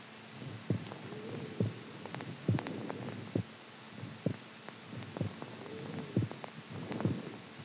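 Soft, low heartbeats at about 68 a minute, somewhat uneven in loudness, over a faint hum and rumbling noise.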